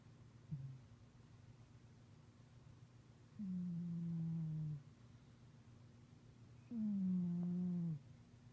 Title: Moo snoring (not a growl- he's just loud.)